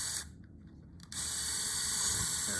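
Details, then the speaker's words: Powered bone drill in lateral ankle ligament repair with internal brace: a brief hissing whir, a pause, then a steady high whine. It is drilling a tunnel at the apex of the tarsal sinus, just distal to the posterior facet. "I'm going to get down just so I can see just distal to my posterior facet. And we're going to drill a tunnel right at that apex there in the tarsel sign."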